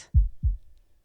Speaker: That is the sound of a heart beating. If you guessed that right, well done.